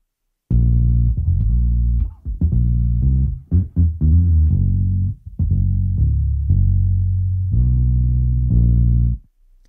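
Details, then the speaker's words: Simulation of a bass guitar as heard through a cochlear implant two years after activation, by a user with one functional ear: low plucked notes that stay close to the original instrument. "As you can hear, the sound is even less similar to the original than the baby's cry, but everything depends on the context."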